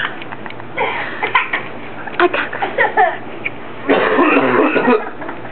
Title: coughing